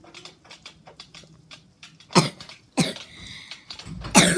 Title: Playing mope with bro (Death run)(coughing)